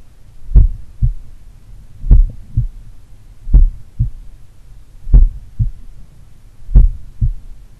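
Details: Slow, regular, crisp lub-dub heart sounds at about 38 beats a minute with no murmur, recorded in the morning by stethoscope on a person in daily cardio training. Sites pulmonary, Erb's point, mitral; slight S3 noted at mitral. Normal heart sounds.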